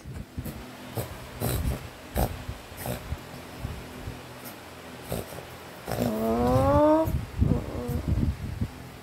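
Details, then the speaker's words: Several short, harsh coughing bursts then a rising whine from a dog with kennel cough for 4 days, on medication. "Ang kennel cough kasi parang common cold or cough yan sa mga aso."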